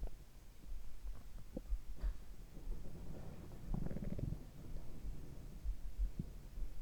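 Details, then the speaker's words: Low, irregular gurgling and rumbling bowel sounds recorded through a stethoscope alongside soft heartbeat thumps, after drinking carbonated water; active bowel sounds in an ASMR recording of heart and stomach sounds together. "はい、それではいかがだったでしょうか。結構今日はお腹が鳴ってましたね。今日悲鳴を上げてましたね。"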